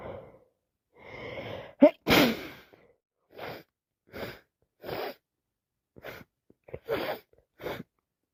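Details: Repeated non-stop sneezing with sinusitis and a common cold, with streaming eyes and a constantly running nose: one forceful sneeze, then a run of short sharp sneeze-like bursts and sniffs.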